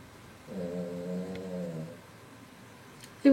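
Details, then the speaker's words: Pet snoring during a makeup tutorial: a single drawn-out, humming snore against quiet room noise. "toujours hermè qui ronfle donc voilà j'ai pratiquement terminé l'estompage"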